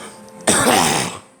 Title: Me coughing